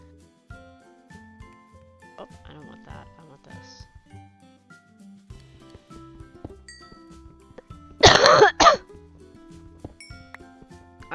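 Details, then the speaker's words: Two loud, harsh, chesty coughs in quick succession over quiet background music from an adult with a cold and sinus infection, described as sounding like a smoker's cough. "still coughing a lot um and my coughing is not something that you want to hear it's literally sounds like a smoker's cough"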